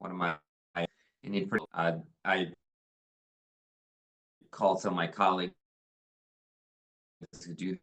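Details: 63-year-old man after revision laryngoplasty with implants cut down and moved up 3 mm; voice much improved, fluid and no longer pushed, still slightly raspy; mild residual dysphonia with intermittent diplophonia.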